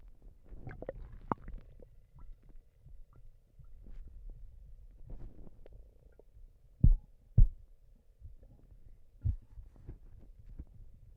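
Low, irregular gurgles and rumbles with a few louder bubbly pops; ordinary stomach noises.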